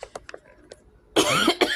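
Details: A few soft clicks, then two harsh, loud coughs from an adult who says they don't feel well, in a small room; an ordinary cough.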